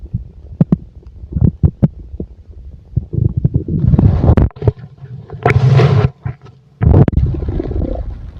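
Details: Bowel sounds from a full stomach: gurgling, bubbling rumbles with clicks and longer gushes, active digestion.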